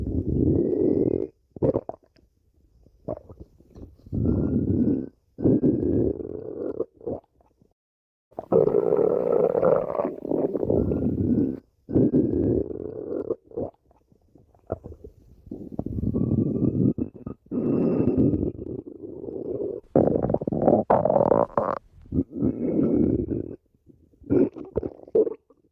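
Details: Loud, irregular gurgling and rumbling bursts from the abdomen: ordinary stomach growling (borborygmi) from gut movement.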